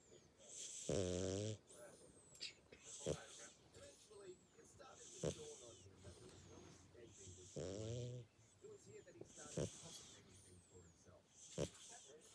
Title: Pixi dreamin & snoring through the night!